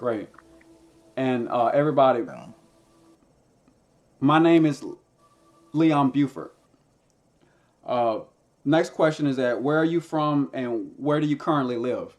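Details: Stuttering in a man who stutters and uses a SpeechEasy speech device.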